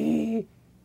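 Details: Diplophonia from a paralyzed, thin right vocal cord that flutters during speech, causing hoarseness.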